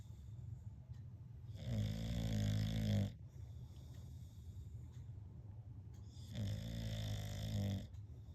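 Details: A bulldog snoring in sleep: two long, loud, rattling low-pitched snores on inhalation, about 13 breaths a minute, with quieter breathy exhales and steady room hiss.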